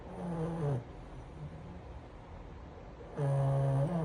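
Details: Sleeping French bulldog: loud buzzing snores, each under a second long, with quiet breathing pauses between; flat-faced dog snoring.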